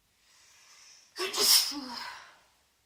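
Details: Adult woman on day 2 of a congested cold, sneezy after a bath taken to loosen congestion, gives a soft intake of breath then one loud, explosive, hissing sneeze that fades; sneeze.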